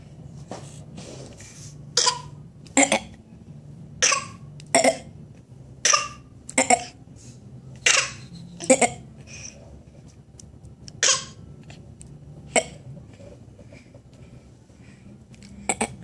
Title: Fake cough